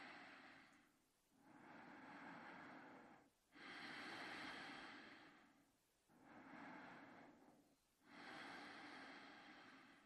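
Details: Person sleeping in bed; slow, noisy breaths with long rushing inhalations and brief pauses, about 28 a minute; loud snoring during sleep.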